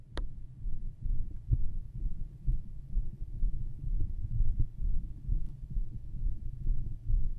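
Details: Own recorded heart and stomach sounds: soft, fast, muffled heartbeat thumping roughly 120 to 130 a minute, with low rumbling body noise.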